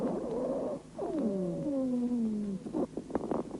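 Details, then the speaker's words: Dry wheezes in a patient during a bronchial asthma attack: musical, whistling, multi-tone wheezes from bronchospasm and airway narrowing by viscous exudate. "сейчас вы слышите сухие хрипы у больного во время приступа бронхиальной астмы они образуются в результате спазма бронхов и сужение вязким экссудатом"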